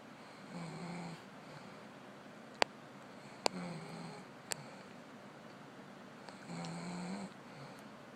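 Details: Young woman snoring, recorded quietly: soft, low buzzing snores on the in-breath, three bouts over eight seconds, with a few sharp clicks in a quiet room; mild snoring.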